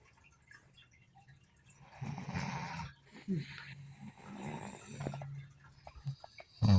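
Low rattling breaths with a few snorting snores among quiet room noise and clicks; snoring.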